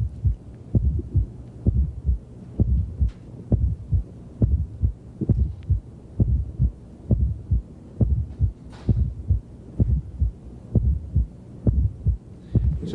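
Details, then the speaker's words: Heard at the fifth intercostal space, midclavicular line, in left lateral decubitus position; heartbeat about 66/min with an unusually loud, dull, low-frequency fourth heart sound just before S1. "now you'll probably never hear another fourth heart sound as loud as this which is why we recorded it that's usually a little more difficult to hear a fourth it's low frequency it's very dull"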